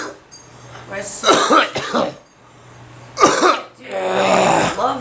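Several rough, throaty coughs in two short bouts, with throat-clearing in a quiet room; a cough during a cold.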